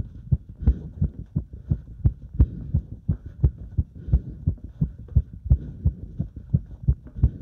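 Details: Heart sounds recorded during step-up exercise: fast, regular, strong heartbeat at about 170 beats a minute; normal heart sounds during exercise.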